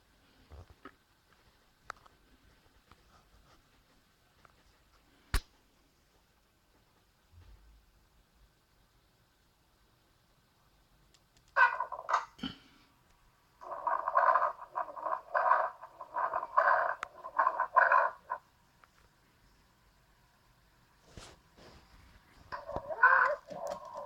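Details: Pediatrician's digital stethoscope lung-sound recording: near silence, then rapid noisy breaths with a faint whistling tone, wheezing from narrowed airways.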